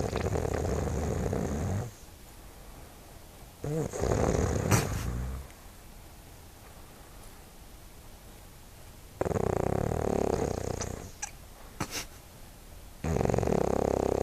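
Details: Loud, rumbling snores on slow breaths, about every five to seven seconds, with quiet pauses between: snoring.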